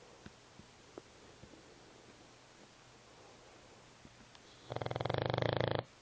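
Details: A quiet room with faint clicks, then one loud, fluttering snore on an in-breath lasting about a second; snoring.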